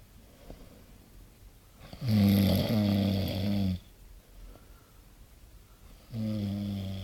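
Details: Loud snoring in sleep: two low, rumbling snores on the breath in, with quiet pauses between them; ordinary snoring.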